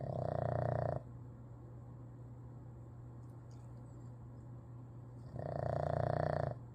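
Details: Boston terrier dog (rescue) snoring: two loud, rumbling snoring breaths about five seconds apart, with quiet between them.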